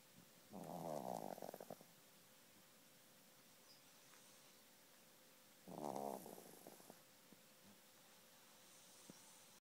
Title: Sharply snores